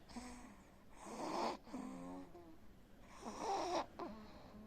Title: snoring while Sleeping .. always sleeping 💤💞.with same position...